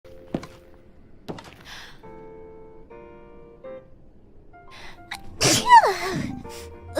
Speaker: I didn't hold it in so it was a genuine sneeze usually I try to hold it in so I have like those cute petite sneezes like you you know